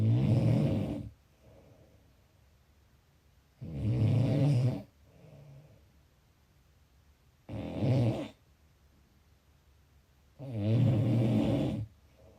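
Loud rumbling snores on each in-breath, about four in twelve seconds, near 16 breaths a minute, with soft out-breaths between; snoring.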